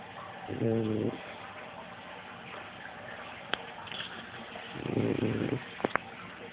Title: Shar-pei Smokey snoring